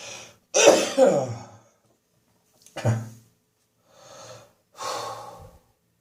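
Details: Winter-morning catarrh: loud, harsh chesty coughs with wet rattling and throat clearing between breaths, a productive cough.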